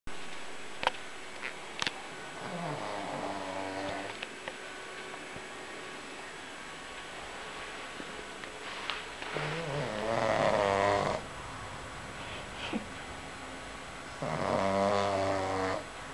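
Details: Pug napping; rough, rattling snores on each breath, about three in the span, with quiet pauses between; snoring in a flat-faced dog.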